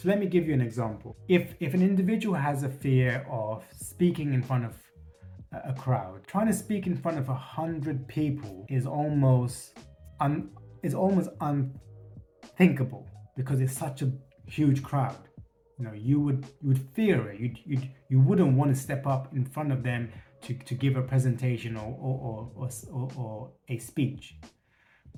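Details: Stuttering with repetitions in an adult man who states he has a stutter and has worked to reduce it by facing his fears.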